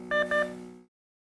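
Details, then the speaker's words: Nonin LifeSense II capnography and pulse oximetry monitor patient alarm: quick paired electronic beeps in a rapid sequence, sounded when end-tidal CO2 or respiration rate exceeds set limits or no breath is detected for 25 seconds. "will hear a rapid beep sequence and a flashing of the limit exceeded on the display other alarms with the slower beep speed may occur indicating an equipment related event you need to resolve"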